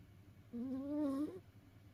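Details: A single soft, humming snore rising and falling over about a second, from a house cat asleep after tiring itself out playing; ordinary snoring.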